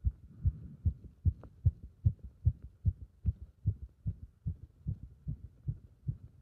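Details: Heart sounds recorded with pressure on the chest during squats: fast, regular low heartbeats at about 150 a minute, quickened by exercise.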